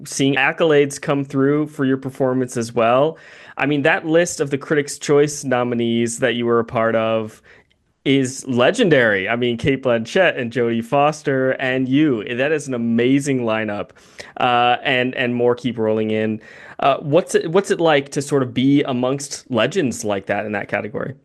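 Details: Adult male speaker; normal speech.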